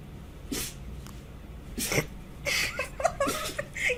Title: Funny Cats & Dogs Sneezing Compilation